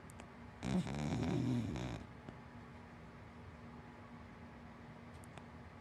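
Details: Sleeping dog, a wienerdog–black lab mix, gives one long rattling snore, then breathes quietly with a faint room hum in the background; snoring.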